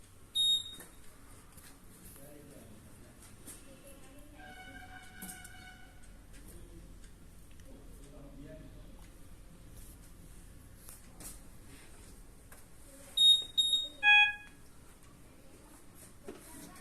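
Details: Clear electronic alarm tones, including a falling tone sequence, over quiet room noise: the alarm of a Philips Trilogy EV300 hospital ventilator, a device for noninvasive and invasive ventilation, sounding during a device demonstration.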